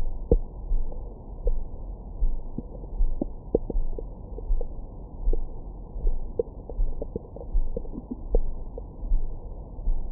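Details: Muffled low rumbling with scattered short gurgles and squeaks, recorded over the abdomen with a Stemoscope stethoscope microphone after a large meal for ASMR; likened to angry grumbling inside the belly: active bowel sounds, stomach growling.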